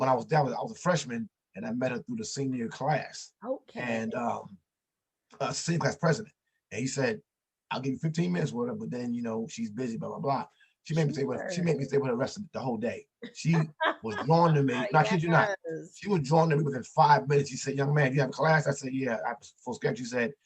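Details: Adult man, an author and motivational speaker, who says he stutters and that others can hear it; heard in conversational podcast speech. Stuttering.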